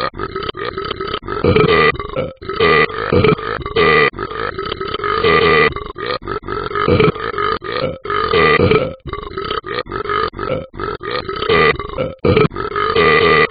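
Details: Talking Ben cartoon game character burping: long, loud, repeated belches, a sound effect rather than a real person.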